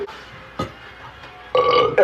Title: Bathroom burps TikTok live